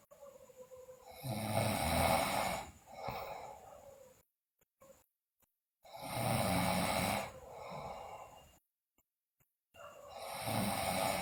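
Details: Sleeping girl snoring loudly, with teeth grinding and delirium noted; loud rattling snores on each breath in, quieter breaths out, about 13 breaths a minute; heavy snoring.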